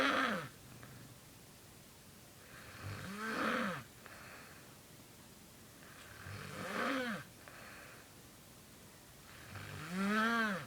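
Slow snores, about 18 breaths a minute, each rising into an odd squeaky, whistling tone; unusual whistling snoring.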